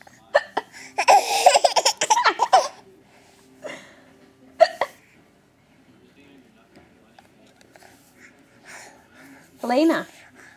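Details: Infant (Elena) with hiccups: short, sharp hiccup sounds mixed with giggles and an adult's voice; ordinary hiccups.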